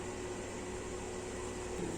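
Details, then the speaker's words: Suction machine running: steady motor hum with low drone as the connected suction unit is tested for function by a caregiver before airway suctioning of a client. "i'm done connecting the assumption to the function machine so we're going to test it to know if it is functioning"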